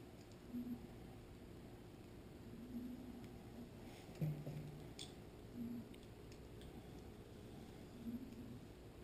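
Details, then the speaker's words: Sleeping dog snoring in the background while a shark-fishing leader is rigged: soft, regular low snores about every 2.5 seconds, roughly 22 a minute, over quiet room hiss and light handling clicks. "don't mind my snoring dog luckily the east leaving I know you can probably hear all right"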